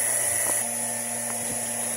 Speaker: Alors, le bruit qu'on entend, c'est le bruit d'un compresseur. C'est lui qui pousse l'air à l'intérieur.